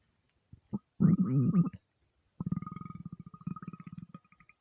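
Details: Aggressive stomach rumbles, half hungry and half gassy from eating too much: a loud low gurgling rumble, then a long run of rapid bubbling pulses; borborygmi.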